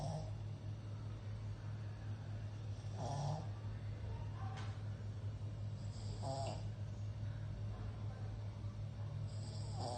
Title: PUG SNORING!!😂🤣